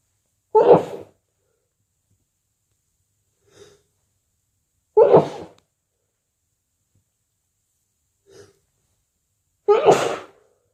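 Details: Sneezing on day 2 of a head cold: three sharp, explosive sneezes, each preceded by a short indrawn breath.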